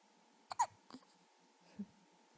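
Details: 3.5-week-old baby boy wrapped in a blanket: brief, abrupt catching sounds, three within about a second and a half, over a steady background hum; hiccups.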